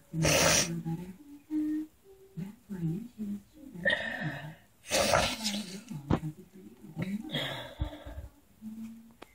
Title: Heavy breathing and sneezing...